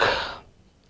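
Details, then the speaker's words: Imitated hawking cough from postnasal drip: a single harsh, rasping throat-clearing burst that fades quickly. The hawking dominates more than the cough itself, described in homeopathy as the typical Sticta cough. "and they Hawk it out so the Hawking is accompanied with the cough and they Haw it out and whenever they HW it out they get the cuff with that that is a typical cuff of sticka"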